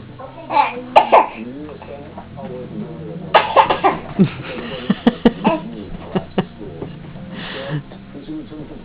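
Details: Baby sitting in an exersaucer fake coughing: short, playful cough-like bursts mixed with babbling; a voluntary, imitated cough rather than an illness cough.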